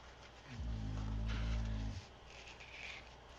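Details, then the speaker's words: A single loud, low, rumbling snore, about one and a half seconds long, from a sleeping 75-pound female Boxer-Rottweiler mix dog over quiet room noise. "don't know if you can hear my dog snoring or not but um dog is loud"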